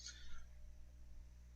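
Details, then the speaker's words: Adult speaker gives a single brief, sharp, squeaky involuntary catch of breath over steady low electrical hum; hiccup. "Excuse me, sorry guys, I got the hiccups. Don't know why, but anyway"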